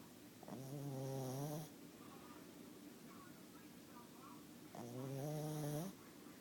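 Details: Two long, loud, buzzing snores on the in-breath, about four seconds apart, with quiet breathing between; snoring.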